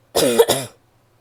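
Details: Adult woman: a single short, voiced double cough in a quiet room.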